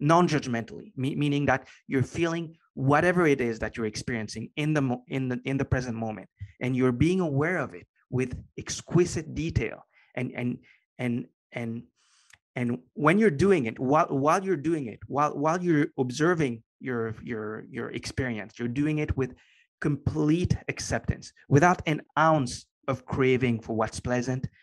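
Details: Adult man with a stutter present for as long as he can remember, long a major life challenge; after meditation practice he has more control and it is now barely audible; stuttering.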